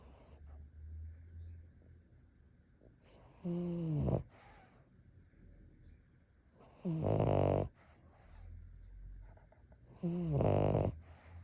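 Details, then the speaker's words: Pug snoring while sleeping and awake: three loud, rattling, throaty snores with a rising nasal whine, separated by quiet breathing; typical flat-faced dog snoring. "I'll sleep. He's snoring. He's still snoring."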